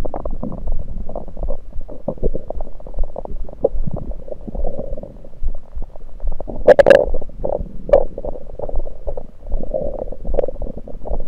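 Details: Abdominal gurgles recorded with a USB electronic stethoscope after only liquids, not during digestion: continuous low bubbling and gurgling with a couple of louder squelching bursts, active bowel sounds.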